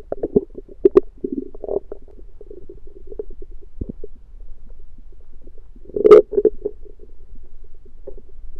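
Long rumbling, gurgling growls with bubbly pops from the stomach, hunger growling after fasting; normal bowel sounds.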